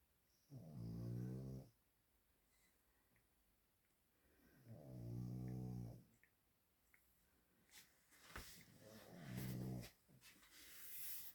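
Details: Pet (dog or cat) snoring in a quiet room: three slow, deep snores about four seconds apart, with another animal's licking and grooming noises between them.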